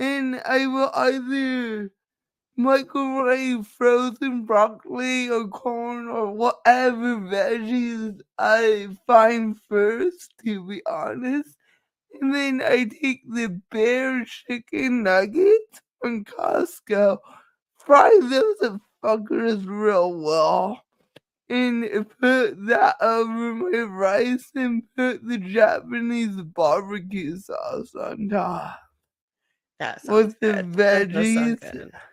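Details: Dysarthria in a woman who states it is caused by her cerebral palsy and that nothing can be done about it.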